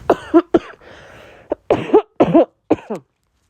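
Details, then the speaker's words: A run of about six short, voiced coughs from an adult who is getting over a cold. "also by just the sound of that cough you would realize I'm getting over a cold"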